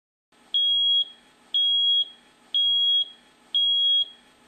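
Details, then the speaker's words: Regular high-pitched beeps, about one a second and half a second each: a T.Stat VLS tissue oximeter alarm as saturation falls below the 35 set limit when arterial flow to a finger is blocked by squeezing, in a hand-model demonstration. "when blocking arterial flow tissue saturation drops rapidly over only a few seconds and rapidly falls into the abnormal range here we have set the alarm limit at 35"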